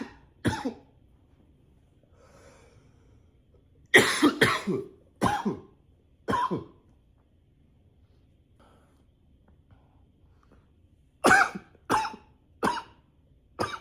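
Repeated bouts of sharp coughs, about ten in clusters over fourteen seconds, with brief quiet breaths between; persistent coughing.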